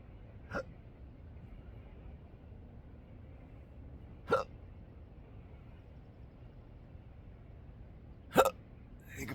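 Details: Intractable hiccups present daily since December 2015, with breathing and choking spasms, burps and developing achalasia; three abrupt hiccups about four seconds apart, roughly 15 a minute, outdoors at sunrise over quiet background.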